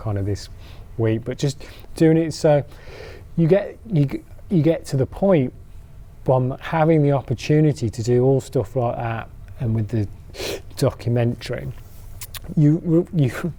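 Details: Stammering (stuttering) in an adult man who stammers, giving a talk on stammering.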